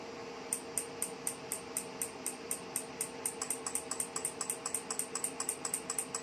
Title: Physiwave MT685 physiotherapy with dual handle magnetic 6T device install and operation pain relief